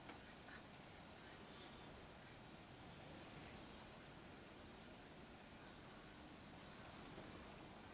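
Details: Snoring while asleep, recorded at 7:22 a.m.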